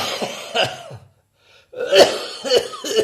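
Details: Several rough coughs and throat clearing around a brief pause, loose and phlegmy in quality; a wet, productive cough.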